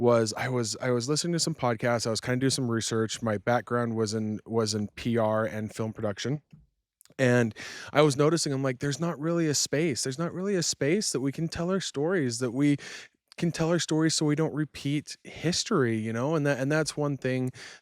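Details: Stuttering with word and phrase repetitions in an adult man who stuttered from childhood and had speech therapy until junior high; he still stutters when fast, nervous or excited and has residual R difficulty.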